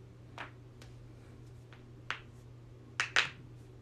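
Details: Several sharp, dry pops and clicks against a quiet room, a pair close together near the end: neck joint cracking (joint cavitation).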